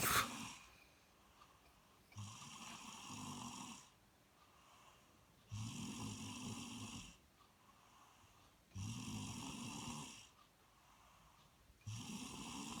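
Breathy, rasping snores at about 19 breaths a minute, each lasting a second or two, in a quiet room: snoring.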